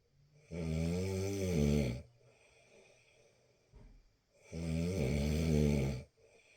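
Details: Two long, loud, rattling snores on the in-breath, each about 1.5 seconds, with quiet breathing between: ordinary snoring.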